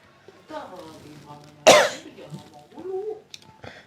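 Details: Person eating very spicy stir-fried beef tripe while being talked to: brief voice, then one sharp explosive cough and throat-clearing, cough after choking on food.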